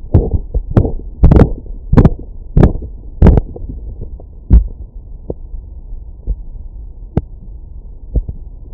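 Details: Korotkoff sounds heard with a wireless Bluetooth stethoscope during blood pressure measurement: sharp tapping beats under a deflating cuff, loud at first then fading.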